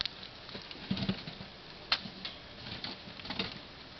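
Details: Tiny sharp sneezes and faint squeaky snuffles from newly acquired pet rats, all sick, later found allergic to bedding, repeated over a few seconds; sneezing.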